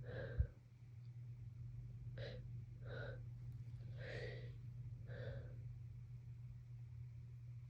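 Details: Person with a cold, congested and itchy: a short burst, then a run of breathy, voiced catches building up as before a sneeze, over a low steady hum; sneezes.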